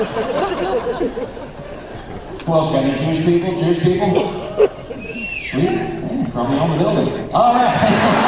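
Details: Man, former record producer, with incurable spasmodic dysphonia developed at the height of his career, progressively worsening until voice was lost, unhelped by vocal coaches and doctors, audible in his voice; spasmodic dysphonia.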